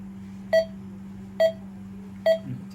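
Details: Primedic DefiMonitor EVO monitor on a simulator, with an SpO2 sensor connected: short, evenly spaced pulse beeps at about 69 per minute, each marking a detected pulse.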